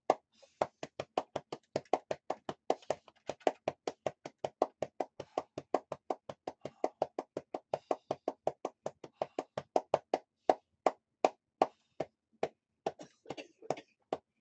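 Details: Steady rapid hollow thumps, about 160 a minute: chest percussion during lower-lobe airway clearance therapy in a person with cystic fibrosis who reports coughing up blood over the last two to three days.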